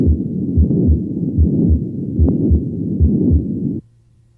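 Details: Patent ductus arteriosus: continuous low-to-medium-pitched machine-like murmur through systole and diastole at about 75 beats per minute, best heard in the second left intercostal space with the patient recumbent.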